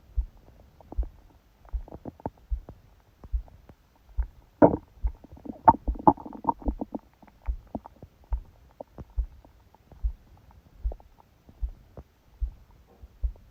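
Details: Stomach growling during sleep, recorded by a phone held on the abdomen under a book: gurgling bowel sounds over a loud, fast thumping heartbeat picked up through the abdomen.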